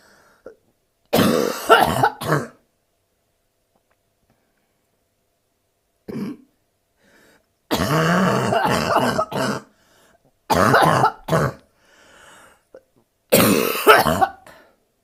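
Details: Adult woman with bronchitis, whose abs hurt from coughing, gives harsh, barky cough bursts in short clusters separated by pauses: barking cough.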